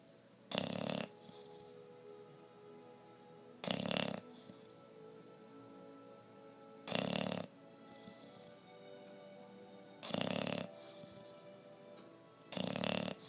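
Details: English bulldog napping on a couch, filmed for fun: loud rasping snores about every three seconds, roughly 19 a minute, over a steady faint tonal background noise; dog snoring.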